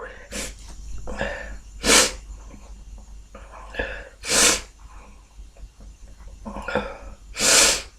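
Repeated sneezing: sharp inhaled catches, each followed by a hissing explosive sneeze, three in eight seconds.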